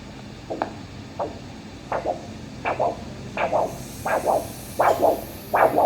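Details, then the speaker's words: Hand-held Doppler over a lower-limb artery in a diabetic foot vascular assessment: rhythmic whooshing pulse with multi-part beats at about 80 a minute; a normal triphasic arterial signal showing an elastic artery. "Listen to this. P, QRS, T."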